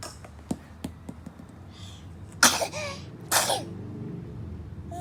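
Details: Two quick, sharp sneezes from an infant after a few small clicks, the second followed by a faint breathy sound.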